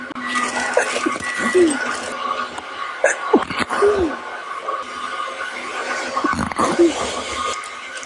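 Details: Sneeze from a woman amid casual conversation.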